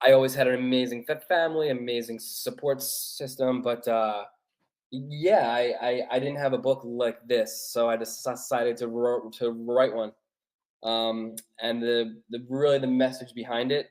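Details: Stuttering in an adult male author who has stuttered since childhood, which he calls a speech impediment.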